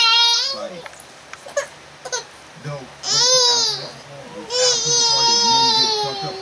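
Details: Baby crying after being told no by mother: loud, drawn-out wails separated by short catches of breath; infant crying.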